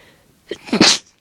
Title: Itchy Tickly Sneezes